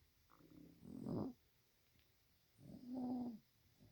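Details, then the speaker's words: Two low, rattling snores from a sleeping, dreaming bobcat, a couple of seconds apart, with a quiet pause between them: ordinary snoring during sleep. "You're snoring. You were snoring. Yes, you were. How embarrassing."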